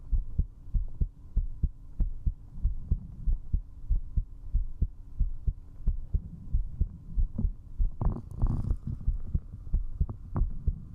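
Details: Strong, rapid low heartbeat thumps at about 94 a minute with a brief rustle partway, recorded at zero distance on a 3Dio binaural microphone for heartbeat ASMR; a fast heartbeat while drinking alcohol.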